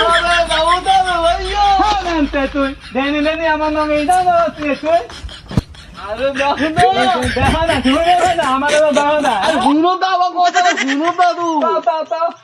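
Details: Adult male speaker acting in a comedy skit; stuttering (acted).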